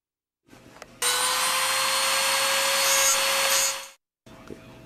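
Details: Dental handpiece grinding pressure spots off a bite appliance during treatment of an adult woman with complex TMD: a steady, high-pitched whine lasting about three seconds.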